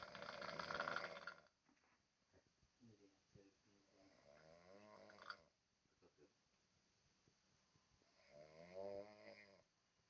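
A loud, harsh snore followed by softer, throaty breathing sounds and another snore; snoring in a sleeping adult.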